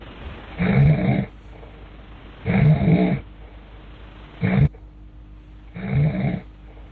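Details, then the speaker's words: Snoring in a patient without an intraoral mandibular advancement device, presented as serious and related to sleep apnea: four loud, low, rattling snores on breaths in, about 33 a minute, with a steady room hum between them. "apesar do Ronco parecer engraçado ele é muito sério"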